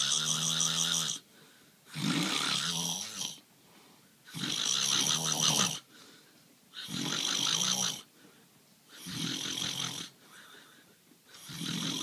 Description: I couldn't sleep again because husband snoring so I decided to have some fun lol.